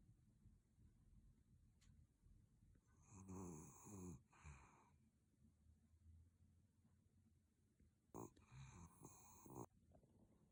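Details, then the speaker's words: Snoring from a miniature schnauzer dog recorded in the morning. "朝中だった今朝の僕いびき聞こえる"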